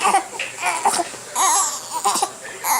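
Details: Infant boy with hiccups, held and kicking, crying loudly in short wavering bursts with brief breaths between; infant cry.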